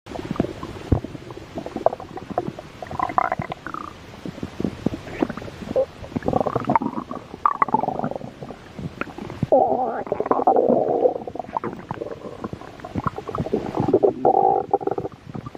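Long gurgling, bubbling rumbles with crackly pops from the belly; stomach growling, ordinary bowel sounds.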